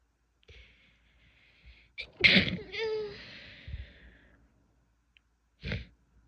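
A quick in-breath, then a sharp explosive sneeze with a trailing voiced sound, and a softer second burst after a pause. Sneezing.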